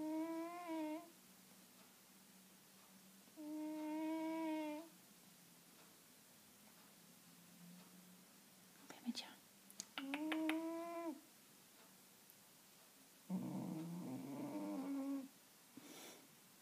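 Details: Siamese cat snoring loudly: drawn-out, humming, tonal sounds that recur every few seconds in a quiet room.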